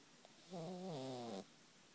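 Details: A sleeping cat snoring: a single drawn-out, tonal snore lasting about a second, in a quiet room.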